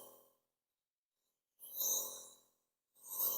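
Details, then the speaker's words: Dr. Morepen compressor nebulizer switched on with 2–4 ml water in the cup to check mist and sound: short bursts of steady hissing airflow with pauses; compressor nebulizer running. "On करते हैं और mist और sound दोनों अभी हम लोग check कर लेते हैं। इस टाइप से ये मिस्ट बनाता है।"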